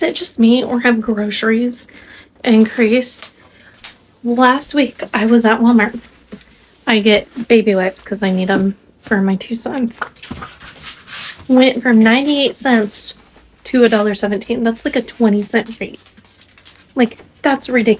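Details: Adult woman speaking; ordinary speech.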